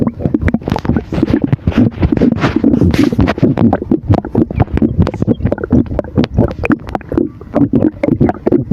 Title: Rumbling sound of air in the stomach after drinking Sour